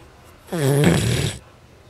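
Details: One loud, rough, rattling inhaled snore lasting under a second against quiet room noise during sleep; snoring.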